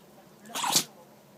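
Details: Chihuahua sneezing nonstop after pressing its nose into the carpet and sniffing, apparently getting something fine inside: a single sharp, hissy nasal burst; sneezing.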